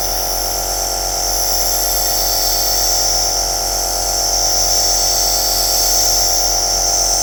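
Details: Aerosol nebulizer machine running, recorded as white noise: steady loud hiss with a constant mechanical buzz underneath, unchanging throughout.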